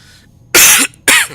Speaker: excuse my cough I have been sick the past couple of days